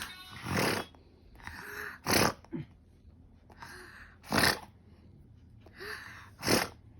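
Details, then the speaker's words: Loud, harsh snoring from a sleeping child lying down, with rough snorting inhalations and quieter breaths between; snoring. "okay so that they all can listen that's why you are snoring so loudly yeah okay yeah"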